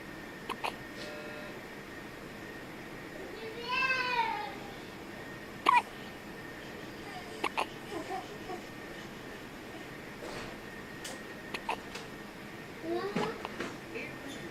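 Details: Hiccups in a 2-week-old baby: several brief, sharp hiccup sounds at uneven gaps, with a short fussy vocal sound between, quiet room noise behind.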